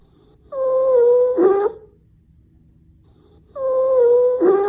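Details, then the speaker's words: Stridor: loud, high-pitched, continuous musical breath sounds in two long bursts, from airflow blockage or obstruction in the trachea. "Strider has a similar sound to wheezing and is continuous but usually occurs due to a blockage of air flow in the trachea like an obstruction"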